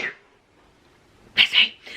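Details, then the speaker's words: Adult woman announces she is about to sneeze: after a brief pause, a sudden sharp hissing burst in two quick parts with a softer trailing sound; single sneeze. "I can't do the past. I'm going to sneeze though."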